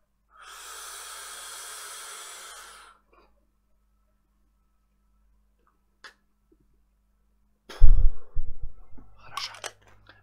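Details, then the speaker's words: A long steady hiss of deep inhalation, a pause, then a sharp puff and handling noise: inhaling a Symbicort Turbuhaler dry powder dose because of a starting cough. "простите друзья мне нужно вдохнуть лекарства symbicort потому что у меня с кашлем сейчас какие-то проблемы начинаются"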